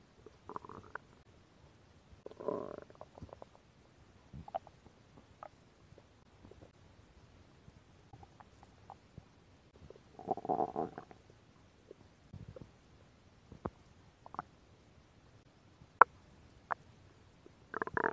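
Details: Woman's stomach sounds recorded for relaxation ASMR: scattered gurgles, squeaks and brief rumbles from the belly; normal stomach growling from gut movement (borborygmi).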